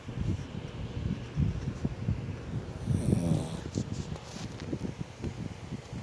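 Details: Rough, fluttering low snorts and snoring noises from a sleeping dog; ordinary snoring.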